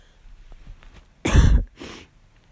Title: Barking cough